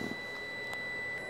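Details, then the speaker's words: Endovenous laser firing during EVLT ablation of the great saphenous vein for varicose veins, laser slowly pulled back, tapped three times near the end for coagulation; steady high electronic tone. "as we get close to the end what I'm going to do is I'm going to tap the laser three times so we get good coagulation which minimizes the bruising"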